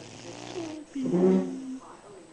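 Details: Dog snoring while sleeping in a cat's arms: rough, rumbling breath sound with a short, louder snort-like middle part.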